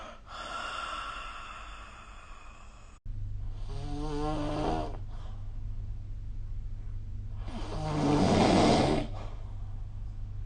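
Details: Loud, rough snores on inhalation rattling through the throat, low steady background hum, recorded during sleep with the SnoreLab phone app.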